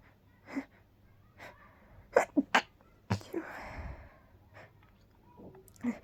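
A quick run of breathy, stifled sneezes, forceful but held back, with soft breaths between them in a quiet room.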